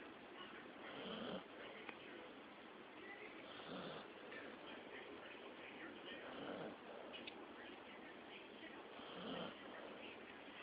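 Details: Snoring: soft, rough snoring breaths recurring about 22 times a minute over a steady background hiss.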